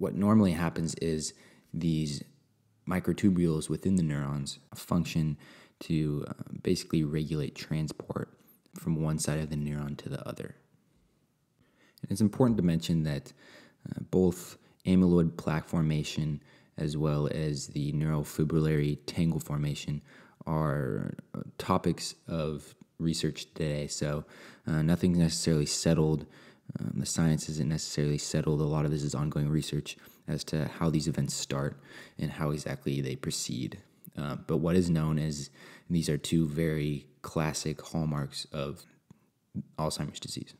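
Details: Adult male speaker; normal speech.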